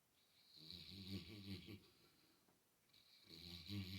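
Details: Mastiff dog snoring while asleep and apparently dreaming and wiggling: two low, rattling snoring breaths with a faint hiss between them; ordinary snoring.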